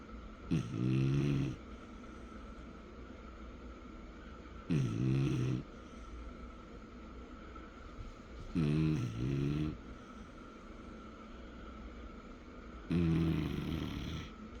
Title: Snoring Machine